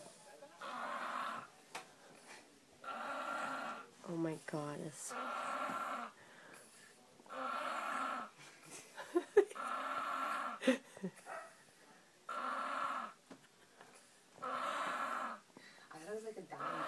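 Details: Baby boy sleeping and snoring very loudly; regular rasping noises about every two seconds, roughly 25 to 30 breaths a minute, in a quiet room; snoring.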